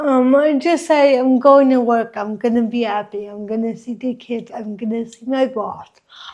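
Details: Dysarthria in an adult woman with congenital cerebral palsy, present since birth, which she says affects her walking, face, mouth, drooling and speech.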